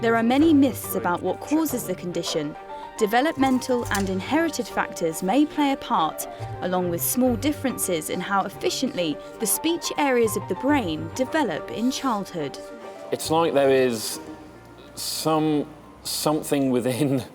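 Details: Adult narrator over background music; speech.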